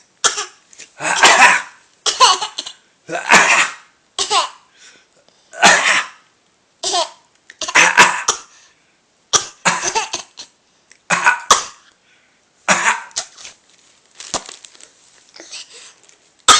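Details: Young child copying daddy's cough: a run of short, forced, playful voluntary coughs mixed with giggly bursts.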